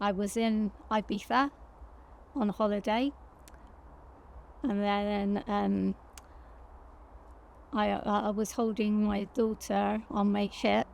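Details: Woman with aphasia after a stroke; she reports speaking more slowly and struggling to find words; finding: aphasia after stroke.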